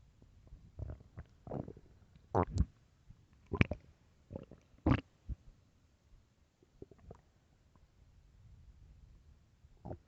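Loud, irregular gurgling and rumbling bursts from the belly, several in ten seconds: ordinary stomach growling from gas and fluid moving through the gut.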